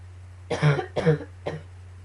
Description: coughing fit and a bit of allergies combines...phew lol